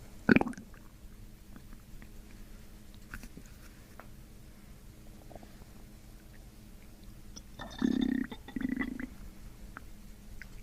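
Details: Gut release sounds and gurgles from the abdomen during chiropractic abdominal work; finding: bowel sounds (borborygmi).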